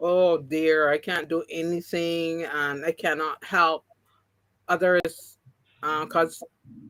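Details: Post-stroke aphasia in an adult woman who had three strokes (2017, 2018, 2019). The first was haemorrhagic, causing loss of speech and right-sided paralysis. Speech has been regained, but some words will never come back.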